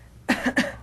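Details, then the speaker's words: Healthy patient during abdominal examination, asked to cough and then show where it hurts, to localize abdominal tenderness before one-finger palpation and rebound testing: two short, dry voluntary coughs. "localize it ask the patient to cough and then show you where it hurts"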